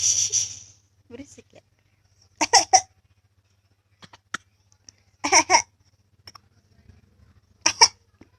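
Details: Several short, sharp coughs in small bursts of two or three, with quieter breaths and throat noises between; cough.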